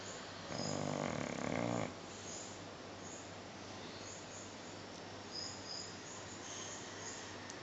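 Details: Sleeping snorer: one loud, rough, fluttering snore lasting about a second, followed by quiet breathing under steady hiss. Snoring.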